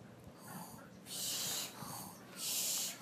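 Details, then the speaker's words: Sleeping female turkey snoring: hissing, whistly breath sounds in repeated cycles, about two every three seconds. "are not asleep oh let's sneak up on her oh it's the it's the it's the rare napping turkey she's a she's a very rare creature can you snore or gobble oh wait it's just a narcoleptic this is a narcoleptic turkey"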